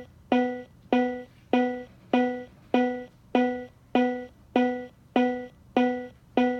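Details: Cardiac Science Powerheart G3 AED on enhanced settings, compression-only CPR after a delivered shock: steady tonal beeps about 98 a minute, the AED's metronome pacing chest compressions.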